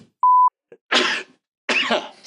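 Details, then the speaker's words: Someone sneezes during an online tabletop game session; others first took the noise for a disgusted laugh. "Mike was so disgusted I had to sneeze is that what happens when you get disgusted you sneeze"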